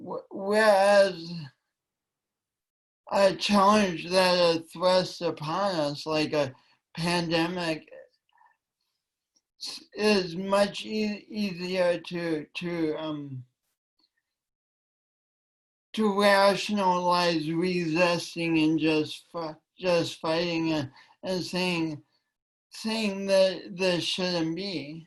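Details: Woman with a long-standing speech impediment affecting her voice and coordination, which she tried to deny for years; speech impediment.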